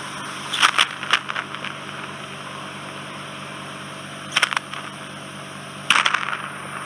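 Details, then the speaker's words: Start of ear microsuction in a woman's ear near an inflamed, tympanosclerotic eardrum coated with soft, wet wax after Otex drops. Steady suction hiss broken by sharp crackling bursts as soft wax is drawn into the probe. "It will be a bit noisy. That's the thing that you'll notice, Simone."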